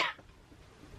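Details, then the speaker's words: A single short, harsh cough or throat clear from a sick adult woman with a sore throat, lots of phlegm, congestion and a lost voice; then quiet. "excuse me absorb throat um a lot of phlegm congestion all that gross stuff"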